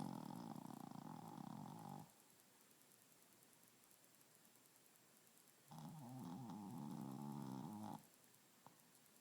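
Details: Snoring: two long, rough, rattling snores with a quiet pause between them.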